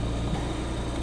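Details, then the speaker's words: Steady low motor hum with a continuous drone; the normal running noise of an Invacare Perfecto home oxygen concentrator just switched on. "now let's turn this on one off switch right here now as I said before they do have sound the thing remember is there are ways to mitigate the sound in a house it really depends on the situation in particular"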